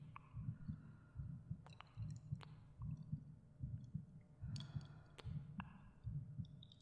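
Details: Recorded human heartbeat in a binaural ASMR meditation: soft, muffled beats at about 74 per minute with faint breathing and light cave echo effects; normal heartbeat.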